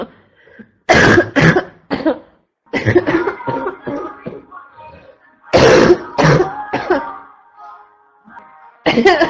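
Repeated harsh, loud coughs in short clusters, a barking cough from upper airway irritation.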